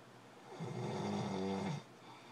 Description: This is for those people that say my husband's snoring can't be that bad that it keeps me up at night.